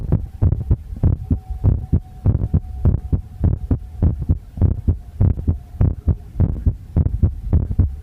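Steady low thumping heartbeat with a faint background hum, about 100 beats a minute.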